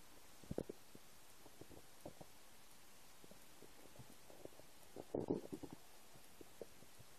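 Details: Empty-stomach noises: scattered soft gurgles with a louder bubbling rumble near the end, against quiet room hiss; ordinary stomach rumbling (borborygmi).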